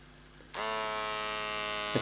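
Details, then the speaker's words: Faulty second-hand wrist blood pressure monitor being tested: a click, then steady electric pump buzz as the cuff inflates and tightens, over faint hum; the reading then failed with an error. "yeah it's definitely getting tighter still getting tighter"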